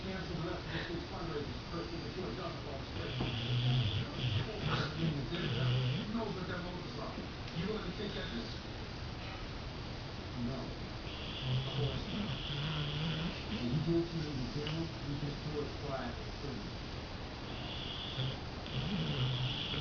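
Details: Sleeping dog snoring, described as really loud; irregular snoring and snuffling with faint whistling on some breaths in a quiet room.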